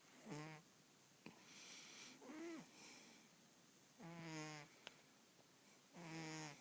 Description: This is why I always have bags under my eyes cause my cat snores on a daily basis... But I still love her!